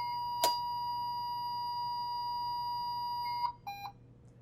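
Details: Puritan Bennett 560 ventilator turned back on after an attempt to switch it off at the back while ventilating without standby: long steady electronic tone with a click, then two short beeps; a normal power-on sound, resuming ventilation.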